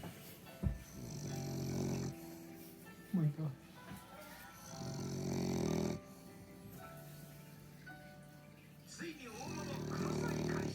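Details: Loud, rough snoring from a French bulldog that seems half awake with eyes open, with grunting and snorting breaths over background music and talk; snoring.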